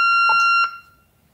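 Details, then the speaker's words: Steady high electronic alarm tone with brief clicks, ending abruptly as a corpuls3 defibrillator, set manually to 50 joules during a daily function test, charges and delivers its shock. Finding: defibrillator shock delivery tone. "reduzieren die Energie jetzt auf 50 Joule bestätigen durch Druck laden und geben den Schock ab"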